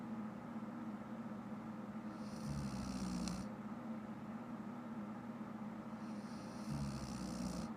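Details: Adult woman who fell asleep while watching shows: steady low noise broken by two rough, rattling breaths about four seconds apart; snoring.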